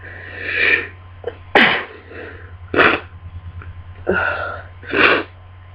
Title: Miserable Cold Sneezing Fit